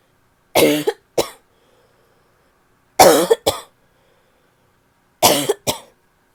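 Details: Barking cough from a female: three double coughs, each a harsh, abrupt burst then a shorter one, hoarse and barky, with a quiet room between them.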